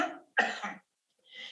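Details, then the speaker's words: A controlled breath in, then a single sharp forced cough with a brief tail, from a healthy COVID-19-negative person, in contrast to a symptomatic COVID-19-positive cough; voluntary cough. "You hear a very controlled breathing in process and then a very controlled actually coughing process versus if we go here for a COVID-19 positive person with symptoms."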